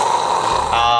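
A brief, rough, voiced snort-like sound from an adult imitating snoring, not a real sleep snore.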